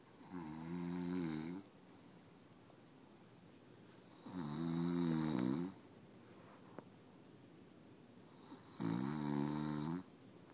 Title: Snoring husband